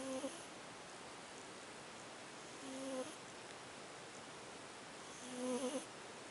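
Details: Small pet that often snores, asleep: short, buzzing, slightly tonal snores recurring about every three seconds over room hiss.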